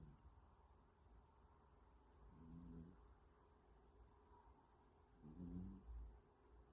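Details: Sleeping younger sibling snoring with eyes open: two soft, low rattling snores about three seconds apart over quiet room hum.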